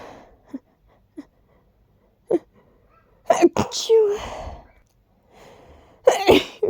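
Several short catching breaths build up to a loud sneeze, then another build-up and a second forceful sneeze.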